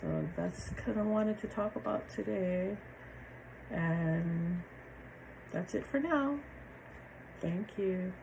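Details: Aphasia in a woman after a stroke on January 8, 2023; she initially had trouble understanding, reading, finding words and remembering numbers, and has since improved greatly.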